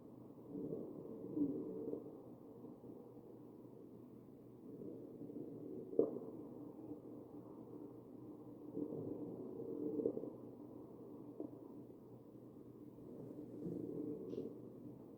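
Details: Muffled chest sounds from a mechanically ventilated patient, slow ventilator-driven breaths at about 15 per minute carrying faint musical tones; wheezing.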